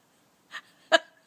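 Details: Two short, abrupt catches of breath, the second sharper and louder; hiccups.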